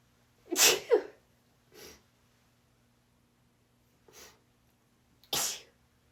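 A run of small, sharp sneezes, some coming in quick pairs, with pauses between them.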